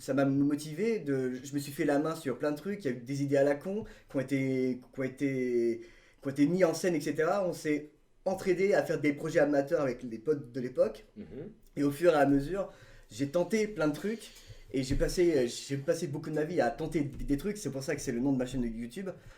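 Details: Stuttering in a male who has had speech therapy; says his speech was much more affected earlier in life before as much therapy.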